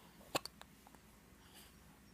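One sharp hiccup followed by a few faint catches, heard over low background noise.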